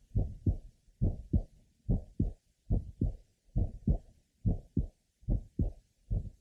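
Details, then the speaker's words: At the apex: regular heartbeat near 70/min with early ejection click and grade 3 musical systolic murmur, heard from aortic area to apex, typical of a bicuspid aortic valve; aortic ejection sound with systolic murmur. "remember as has been just demonstrated a Artic event are often well heard at the Apex they also may be transmitted to the neck regions"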